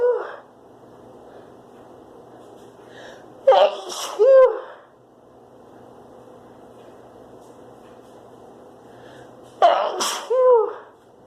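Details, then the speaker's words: Woman sneezing from spring flower pollen allergy: two sharp sneezes, each preceded by a quick indrawn breath and ending in a high voiced cry. "I'm gonna excuse it. I have to sneeze. Achoo."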